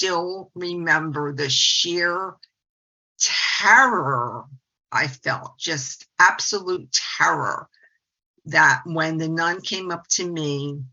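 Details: 68-year-old woman, a speech-language pathologist who stutters; stuttering.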